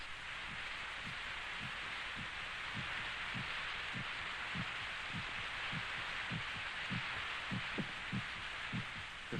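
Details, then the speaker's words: Soft, regular, low thumps, about 100 a minute, under steady hiss, presented as one's own heart pounding against the ribs, heard in a sound-absorbing, very quiet room; normal heartbeat. "of our heart pounding against our ribs did you ever see a living beating human heart a rare operation enables us to see this marvelous little pump"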